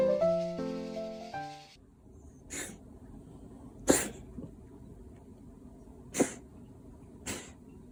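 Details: A cat with mild asthma-like symptoms, treated with medication, gives four short, sharp hacking coughs after a brief music intro; feline asthma cough.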